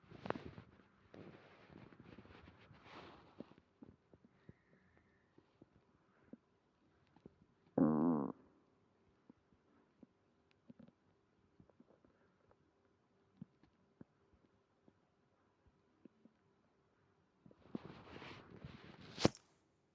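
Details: Stomach growling with stomach pain after eating creamy pasta: scattered gurgles and clicks, one loud low growl, and longer rumbling bursts at the start and end.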